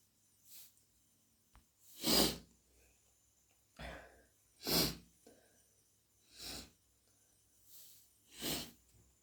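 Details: Hay fever sneezing fit: about seven wet, forceful, desperate sneezes in quick succession with quiet room noise between; itchy, tickly nose.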